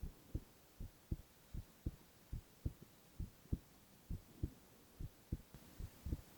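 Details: Silent ASMR recording of a young man's heart sounds only: steady paired lub-dub heartbeats at about 75 a minute, even rhythm, no extra sounds; normal heart sounds.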